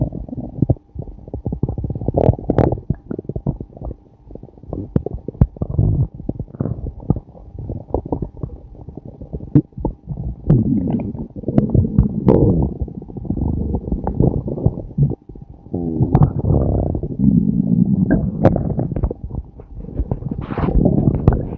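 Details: Loud, frequent low gurgling and rumbling stomach growling recorded during a period of flatulence: active bowel sounds (borborygmi).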